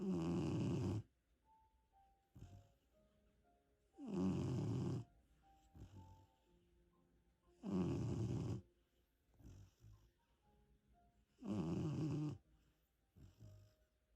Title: Loud snore by a 3 months pup